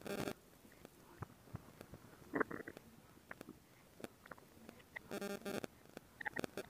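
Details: Gurgling rumbles and squelchy bursts with scattered clicks from the belly, recorded as relaxation ASMR: ordinary stomach growling, normal bowel sounds (borborygmi).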